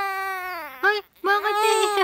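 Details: Infant crying, possibly laughing while crying: high-pitched tonal cry with a falling wail, a brief pause, then renewed crying.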